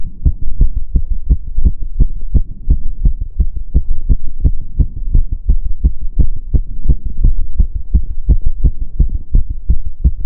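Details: Own heart sounds recorded while doing step-up exercise: strong, rapid paired heartbeat thumps in quick succession; fast heart rate from exertion.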